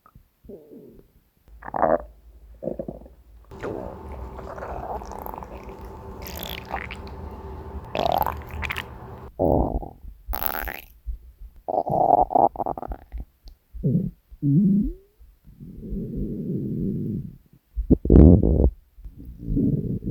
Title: Three Years of Hungry Stomach Growls!